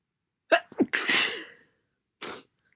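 A loud, wet sneeze with a sharp explosive burst and spray-like noise, followed by a brief sniff.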